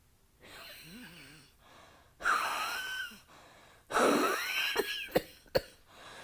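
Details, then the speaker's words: Acted (role-play) asthmatic coughing fit triggered by cigarette smoke, female voice, strained whistling wheezy breaths between coughs, chest tightening; simulated asthma attack with wheeze. "you know I have asthma and that triggers my cough all that smoke coming out it Narrows my my Airways"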